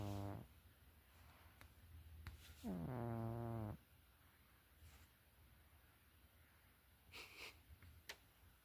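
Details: A sleeping cat gives two loud, low, buzzing snores several seconds apart, with quiet room noise between: snoring.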